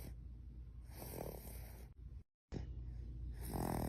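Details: Baby snoring: low, rattling snore sounds across breaths with a brief pause.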